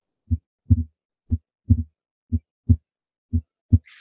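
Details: Normal heart sounds from a Harvey cardiology patient simulator, timed with respiration: soft low thumps, some paired and some single, with uneven spacing, followed by a brief voice.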